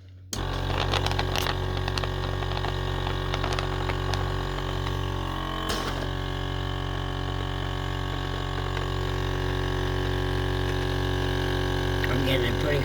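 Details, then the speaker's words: Sunset SU100 portable suction machine at its highest suction setting, used by a head and neck cancer patient with a tracheostomy; steady low motor drone and constant hum, moderately loud. "So now I'm going to Well, when I turn this on, you can get an idea if you think it's extra noisy or if it's just average or what you think. I I don't think it's too bad, personally, so here it goes."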